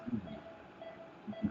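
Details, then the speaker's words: Child with tonsils in place, under drug-induced sleep endoscopy in the operating room: brief low, fluttering snores against a steady background tone, from upper airway collapse including epiglottis collapse. "Here you can see the upper airway collapsing. So you can see the epiglottis collapsing, causing snoring."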